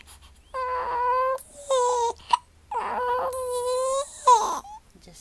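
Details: An infant crying while having hiccups: rhythmic high-pitched wails broken by brief sharp hiccup catches; infant cry.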